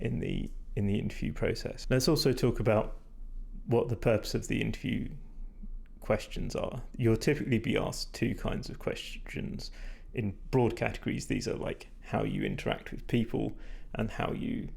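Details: Vocal fatigue in a man whose voice is degraded and stressed after talking a lot without drinking enough.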